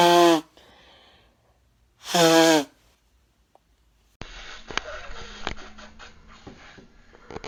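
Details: Person who says they are still sick: two loud voiced sneezes a couple of seconds apart, then rustling and handling noise; nasal spray use and ear popping follow.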